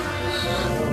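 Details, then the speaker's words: A child with Tourette's syndrome and a vocal tic, who describes fighting tics by trying to suppress them. "How you fight a tic is have to suppress it and try and not do it."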